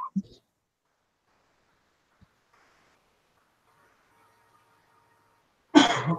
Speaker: again that's just me clearing my throat from my allergies